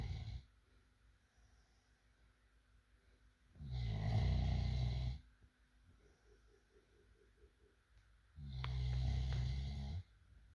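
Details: Deep, rumbling snores on the in-breath, roughly one every 4 to 5 seconds, with quiet breathing between them.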